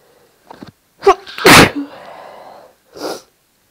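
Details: Induced sneezes from a person with no allergies or hay fever: short catching inhalations build to an explosive voiced sneeze, then a trailing exhale and a softer follow-up burst.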